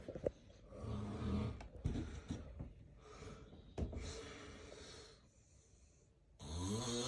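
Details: Real, unacted daytime nap by a person who reports sometimes getting extremely sleepy during the day: irregular snorting snores, then a quiet gap of about a second before a loud snore resumes; snoring with a breathing pause suggesting apnea.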